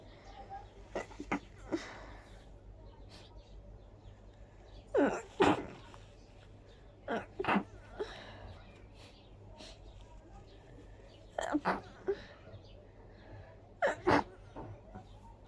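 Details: Sneezing fit of big, itchy sneezes the person felt miserable with: about eight forceful sneezes, several in quick pairs, over fifteen seconds.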